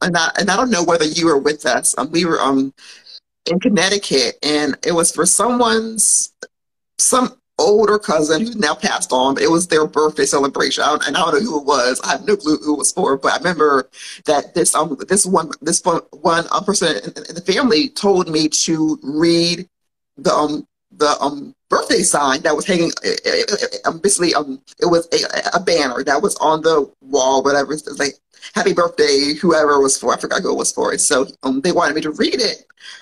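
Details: Stuttering in an adult woman who has stuttered since childhood and still does; she had speech therapy in grades 2-5 and in middle school.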